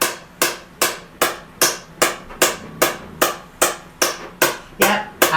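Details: SoftWave shockwave therapy on the hip of a patient lying on her left side with a hip stress fracture, discomfort target 4–5; rapid even mechanical taps, about 150 a minute.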